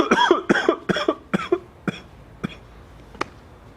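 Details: Cough from an adult surgical tech sick for several days, while still working: a run of about seven coughs in under four seconds, the first fuller and wetter, then trailing off.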